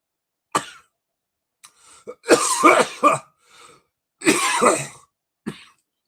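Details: Adult coughing right after dabbing cannabis concentrate: a run of harsh, throaty irritant coughing bursts.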